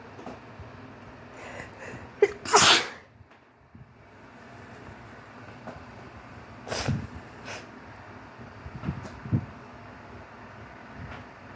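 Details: Wet sneezes: a sharp explosive sneeze followed by a few smaller bursts over quiet room noise.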